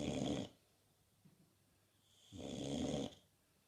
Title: Typical Bulldog snoring